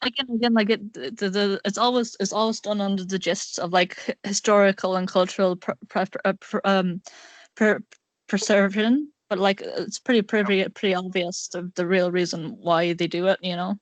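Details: Male speaker with a self-described awful stutter; stuttering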